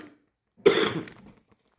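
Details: Cough.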